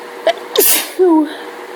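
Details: Person in a hay fever allergy fit: short in-breath, then one sharp explosive sneeze and a brief voiced sound after; sneeze.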